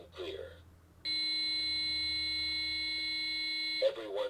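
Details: Steady, high-pitched continuous tone of about three seconds between voice prompts, after "shock advised, charging", in a one-rescuer healthcare-provider infant AED training demonstration; defibrillator charged alert before shock delivery.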